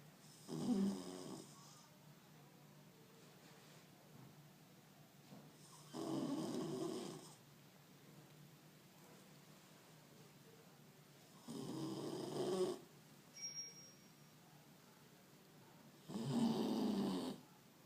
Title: The Snoring Beagle